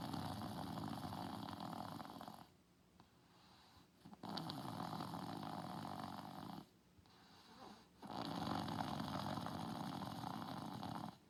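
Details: Asleep on a couch: loud, long, rattling snores separated by brief quiet pauses, about three breaths; heavy snoring.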